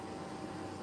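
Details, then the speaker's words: Hospital mechanical ventilator played as a noise example after a CPAP machine: steady whooshing airflow and machine hum, with no distinct breath cycle; mechanical ventilator noise. "if we go to a ventilator which is a standard machine that probably no one knew about before the pandemic if we push that instead"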